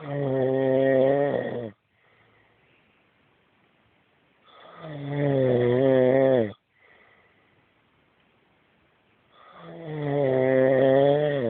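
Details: Adult husband snoring loudly during sleep, as he does every night: rough, buzzing snores on each breath in, about 12 a minute, with quiet breathing out between them.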